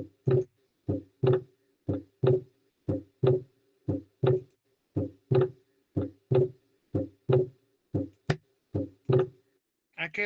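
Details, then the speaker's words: Regular heartbeat near 60 a minute; the second heart sound is split into two close components: a split S2 in a different heart recording from earlier examples, played for teaching. "Creo que igual es eh desdoblamiento R2 R2. Exacto. No, en esa parte traten de no dudar. Igual era desdoblamiento, pero notaron que era distinto el sonido del corazón, distinto el audio, pero igual era de R2."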